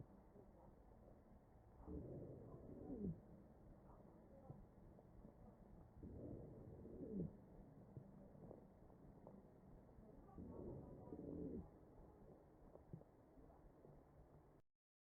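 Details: Real ventilated patient, chest auscultation: wheezing heard over the ventilator breath sounds.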